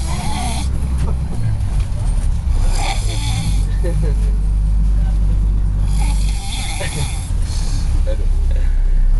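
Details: Very tired man snoring: loud, deep, rumbling snores repeating over a heavy low background hum.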